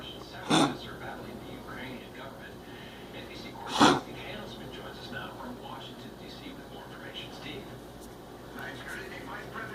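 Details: Small dog with kennel cough caught after a stay at the pound: two short, sharp, dry coughs separated by quiet room noise.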